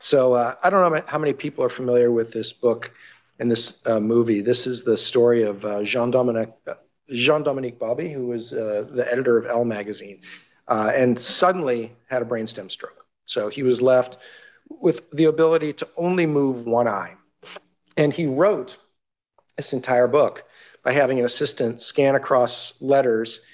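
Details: Adult male lecturer; normal speech.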